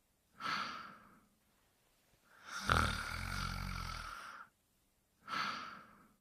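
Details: Cartoon Pink Panther snoring quietly: three slow, quiet breaths, the middle one a longer rumbling snore; simulated animated snoring.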